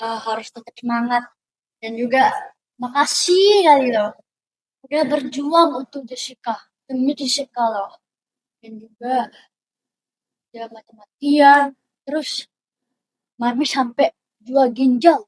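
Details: Deaf child who uses a cochlear implant, speaking; speech of a deaf cochlear implant user.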